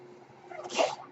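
A steady low hum, then a brief rising puff of airy hiss that fades: the airflow of a mechanical ventilator delivering a breath.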